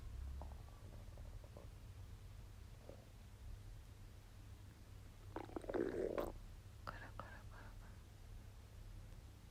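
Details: Stomach rumbling while digesting a wagyu steak: soft gurgles and a louder bubbling rumble over a low hum; ordinary bowel sounds of digestion.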